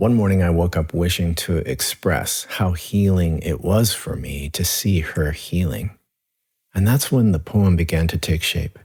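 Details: Adult man speaking; normal speech.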